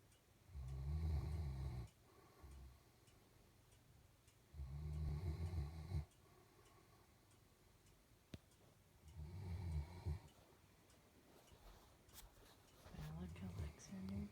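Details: Snoring.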